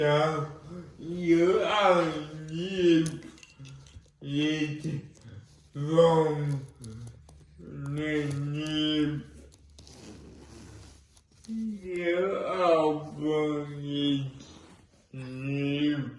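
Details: Dysarthric speech in a person with cerebral palsy and involuntary movements; the dysarthria is inferred and not explicitly named.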